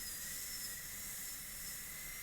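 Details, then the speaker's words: Continuous shrill whine and hiss of a high-speed dental handpiece cutting a class II distal-occlusal preparation on a maxillary molar teaching model, shaping the axial wall and gingival floor. "position it where I want to actually drill a hole and cut away from this wall okay then when we make the connection together you should have a nice shape for the axi wall"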